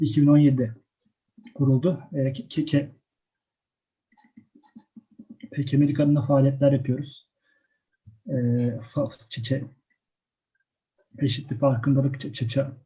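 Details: Female first-year university student who stutters; speech broken by long silent pauses between words; stuttering.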